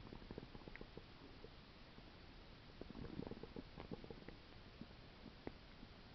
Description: Stomach Sounds cause by Stomach Ulcer